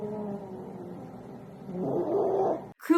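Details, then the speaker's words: Child with viral croup making a harsh, tight, high-pitched noisy breath drawn in; inspiratory stridor. "sound called stridor, which is a harsh, high-pitched, tight sound heard right here."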